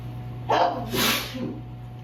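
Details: Allergic sneezing at sundown in cool ragweed-filled air after allergy medication wore off early; one forceful sneeze with a sharp intake and a loud, hissing burst.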